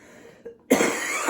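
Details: Adult who has been very sick for the past week gives a brief throat catch, then one harsh, dry-sounding cough burst trailing into a noisy exhale in a quiet room; cough.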